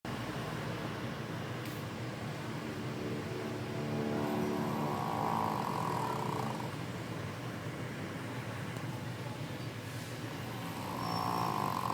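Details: Adult woman snoring: a rough, engine-like rumble builds during two inward breaths against steady room noise.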